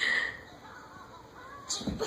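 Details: Baby girl fake sneezing while playing: two short breathy bursts, pretend sneezes rather than true ones.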